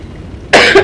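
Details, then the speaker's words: An adult who has been really sick gives a single abrupt, harsh cough after a stretch of quiet room noise while recording video-game commentary: cough. "yeah can you hear that horrid cough I'll probably cut that out"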